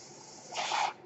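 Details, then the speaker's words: Brief airy hiss rising and falling over about half a second as the speaker's own mechanical ventilator delivers a breath while he records a spoken podcast. "name is, that noise you hear is my ventilator."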